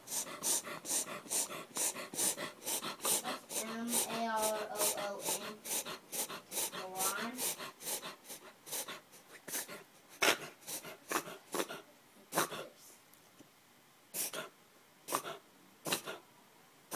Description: Our foster puppy reverse sneezing. Four month old basset hound.